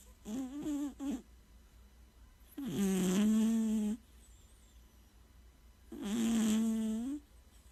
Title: Does your cat snore ?